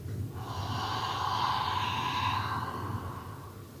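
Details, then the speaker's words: Return demonstration in pulmonary rehabilitation: patient seated, inhales deeply, then one long, forceful, open-mouthed breathy exhale to move mucus from smaller to larger airways: huff cough (forced expiration technique). "so sir all you have to do is to inhale deeply and then exhale be just like huffing"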